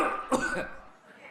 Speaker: that you know that is a productive cough if you listen closely to that cough he is there's a rattling in the chest that's a fleem sound there it's a flemy sound it's it there's literally a wetness to it